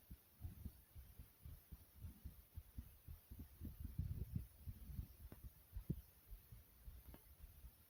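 Soft, quick, muffled low thumps in a steady rhythm; a rapid but regular heartbeat.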